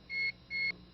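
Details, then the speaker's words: Computer-controlled dental anesthetic delivery system in pediatric dentistry: double-rate button pressed after the first 10 seconds of injection, giving two short high-pitched beeps signalling the doubled injection rate. "if you want to increase the rate of the injection you can do so at any time after the first 10 seconds of the injection by pressing the double rate button The increased rate will be identified by two audible beeps"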